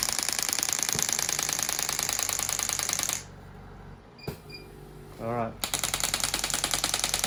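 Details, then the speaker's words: Third session of shockwave therapy for heel pain in a woman working as a chef whose pain comes on with prolonged standing: rapid mechanical tapping pulses about 200 a minute, brief pause, then resuming. "so when she stands for too long then the pain comes so today's your third session wonderful we're gonna do shockwave"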